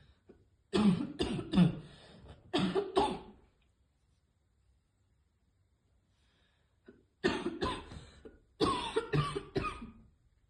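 Two clusters of forceful, harsh coughs, about four to five each, separated by a quiet pause; a choking cough after inhaling vapour.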